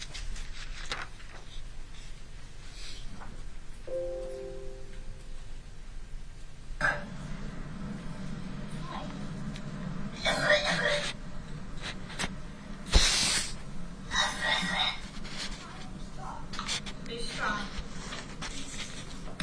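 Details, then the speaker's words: Recorded cough of a child, played in court, described as very deep and abnormal, with crying and coughing at the same time: several deep, harsh cough bursts mixed with crying, heard through room playback. "and then and what are we going to hear now this is the the cough correct all right go ahead"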